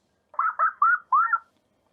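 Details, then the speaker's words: Simulation of how sound is heard with moderate hearing loss, in a noise-safety quiz: four dull, muffled whistle-like chirps lacking crispness and bass. "As we saw together, exposure to too much noise can cause permanent hearing loss."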